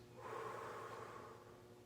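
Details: After breathing in and holding the breath for three seconds, the patient lets out a single long, audible breath, taught as a deep breathing exercise to clear the lungs: exhalation.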